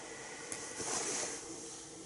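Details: Philips Respironics Pico nasal CPAP mask tested at 12 cm H2O pressure by a sleep technologist during mask fitting; steady soft hiss of pressurized airflow, rising slightly in the middle.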